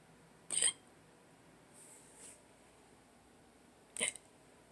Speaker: I may have drank too much yesterday. And I woke up with hiccups. So tired.